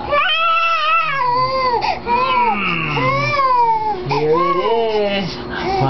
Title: Baby Crying Hard